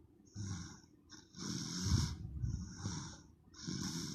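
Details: Baby girl snoring loudly during her afternoon nap: loud, rough, rattling snores with each breath in and a hissing breath out, roughly every one and a half seconds.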